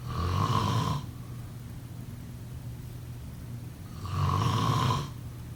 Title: Snoring sound … #5